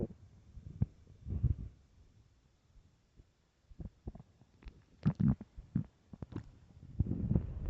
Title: starving stomach growling and rumbling part 2